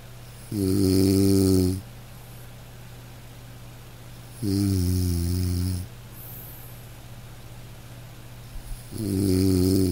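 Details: Man snoring in deep sleep: loud, low, rattling snores on each breath in, about 15 a minute, with quiet pauses between; ordinary heavy snoring.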